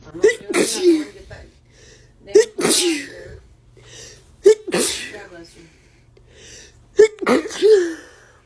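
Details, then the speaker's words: Four bursts of rapid sneezing, each with a sharp in-breath and two or three quick sneezes, about 28 sneezes a minute; ordinary sneezing fits. "I sneezed sorry excuse me"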